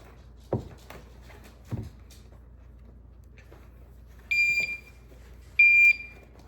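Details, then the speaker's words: Two sustained high beeps from a home infusion pump, after soft handling knocks, as the line is hooked up for a 13-year-old boy's HyQvia immunoglobulin infusion for X-linked agammaglobulinemia, after 7 years of infusions; routine pump alert. "That's his pump beeping. Want to know what we're doing. Why are we taking so long?"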